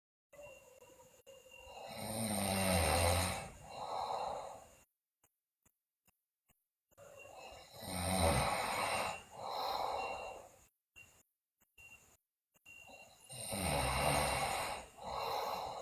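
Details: Loud rattling snores on each in-breath, each followed by a softer breath out, about 11 breaths a minute, from a sleeping girl who also has bruxism and is delirious; snoring.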